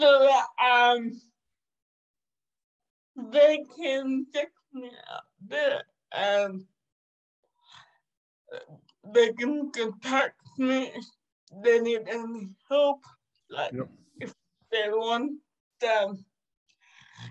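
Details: 27-year-old woman with cerebral palsy caused by severe neonatal jaundice; she was not expected to ever walk or talk; she says it makes her sometimes speak and move differently; dysarthria (cerebral palsy).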